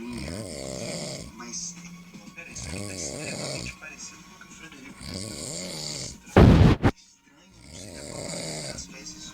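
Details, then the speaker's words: A sleeping father snoring at home, heard while his child speaks over the recording: snoring. "Mas o meu pai tá roncando, vocês estão ouvindo?"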